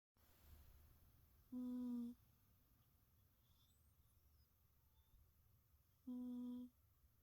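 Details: Whistling snore from a sleeping cat: two soft, steady whistling tones about four seconds apart in a quiet room.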